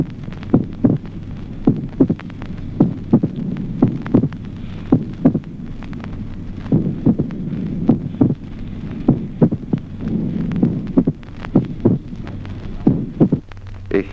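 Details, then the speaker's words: Teaching heart-sound recording: slow, irregular heartbeat in atrial fibrillation with a sharp early-diastolic snap a short interval after the second sound: short-interval mitral opening snap. "Ejemplo 17o. Asquido de apertura mitral de intervalo breve en la fibrilación"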